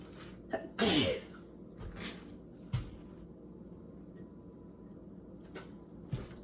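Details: One forceful sneeze followed by sniffs and quiet room sounds, from a person reporting sneezing fits triggered by cleaning products such as soap, hand soap and bleach.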